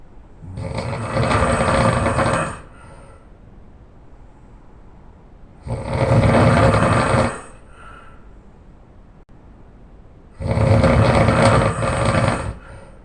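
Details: Man snoring very loudly during sleep: three loud, rough, rattling snores, each about two seconds long, on breaths roughly every five seconds, about 13 a minute; heavy snoring.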